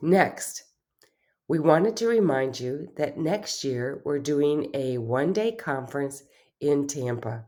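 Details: Adult speaker; no disorder.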